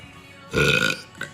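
A single loud, rough burp lasting about half a second, followed by a brief faint sound; ordinary belching.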